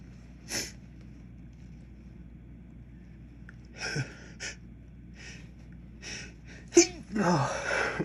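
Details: Short explosive nasal bursts and sniffs, ending in a fuller sneeze with breath, after dropping a container of white pepper while cooking; sneezing from pepper exposure.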